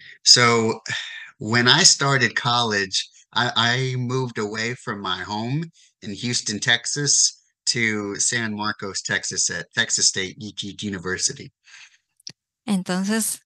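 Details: Adult man, stuttering since age 4; word repetitions; stuttering.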